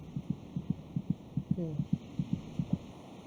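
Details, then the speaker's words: Fetal heartbeat at about 26 weeks of gestation, audible by ear against the mother's abdomen: rapid, regular soft thumping at about 150 beats a minute, roughly twice the mother's rate; normal fetal heartbeat. "it may just be possible to hear the fetal heartbeat by putting your ear against the mothers abdomen the fetus's heart who meets about twice as fast as our mothers monitoring the baby's heartbeat gives a good indication of his general condition"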